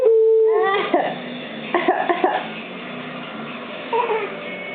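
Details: Young child gives a brief whiny cry then about four or five short, voiced coughs in quick bursts.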